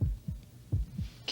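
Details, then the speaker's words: Low, regular lub-dub thumps through a stethoscope, a heartbeat played as a mystery sound, the sound a doctor hears on a chest. "that it's your heart beating over and over and over again like the ticking of a clock that sound you heard is the sound the doctor hears when he puts a stethoscope to your chest"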